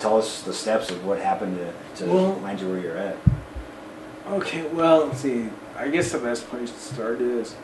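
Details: Adult male speech, possibly two speakers in a small room; ordinary speech.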